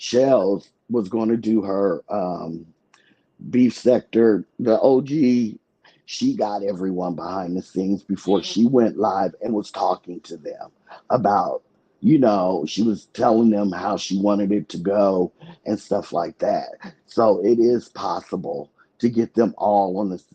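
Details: Adult woman whose vocal cord was accidentally touched during thyroid removal surgery, hoarse altered voice, expects recovery in a couple of months; dysphonia from vocal fold injury after thyroidectomy.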